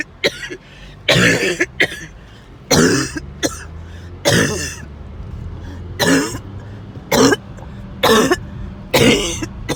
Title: End of a 20 min coughing spell